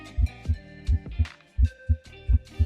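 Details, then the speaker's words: Regular paired lub-dub thumps at roughly 100 a minute, a rapid heartbeat played from a cardiology study flashcard; faint. "Might be kind of hard here, but there is a heartbeat there."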